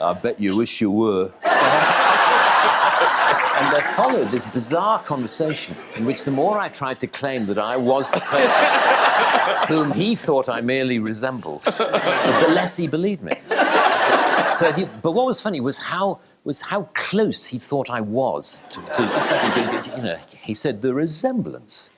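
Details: Adult male who stutters, described as having no tension attached to it; stuttering.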